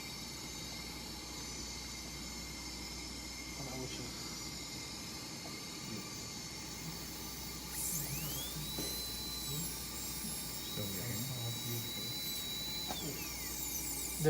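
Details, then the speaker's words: Class V (cervical) cavity preparation for amalgam: a faint high dental drill whine rising and holding over room hiss as the bur finishes the cavity after its depth is checked in different areas. "now we will try to finish first we have to check the depth of the cavity in different parts of the area and then we will try to finish"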